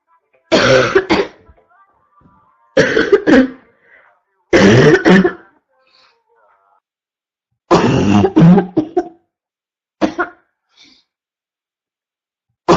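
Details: Constant barking cough in a 4-year-old girl: five loud, harsh, abrupt coughing bouts, some with two or three quick bursts.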